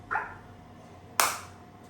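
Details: Biotronix SW7 focused (not radial) shockwave therapy system handpiece fired during a frequency and intensity adjustment demo: two sharp snapping shots about a second apart.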